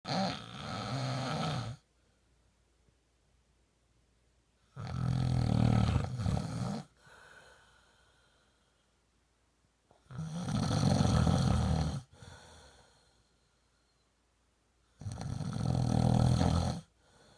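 Deep, rumbling snores on each inhalation, about four breaths at roughly 14 a minute, with quiet exhalations between.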